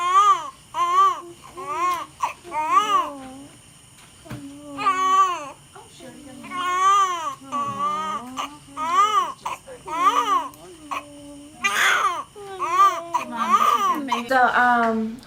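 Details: Newborn baby boy just after birth, in a small room: repeated rhythmic wailing cries, strong and vigorous, with brief gasps between bursts; a normal newborn cry.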